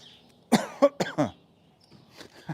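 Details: Cough heard in a horse barn during a live sport horse chiropractic session while a mare is being unblanketed: four quick, harsh cough bursts in a row, then a faint sound and quiet.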